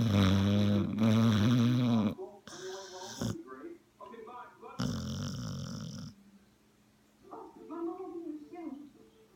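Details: A sleeping dog snoring very loudly, with deep rattling snores and quieter snuffling breaths between them: snoring.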